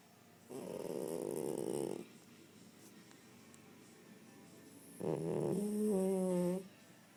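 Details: A sleeping fat cat snoring: two rough, whistling snoring breaths, the second ending in a squeaky tone.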